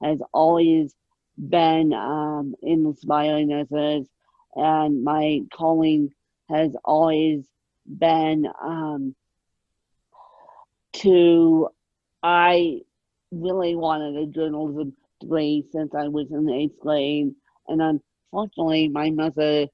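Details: Adult woman born with moderate ataxic cerebral palsy, mid-spectrum, caused by lack of oxygen at birth, needing 24-hour care; ataxic dysarthria.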